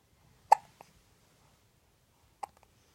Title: With Hiccups on Jasson June 15, 2019